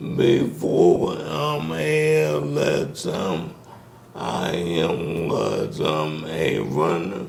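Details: Dysarthria in a man in his 60s with ALS, diagnosed in 2020 after symptoms began in 2017; the disease first affected his speech, starting with a raspy voice.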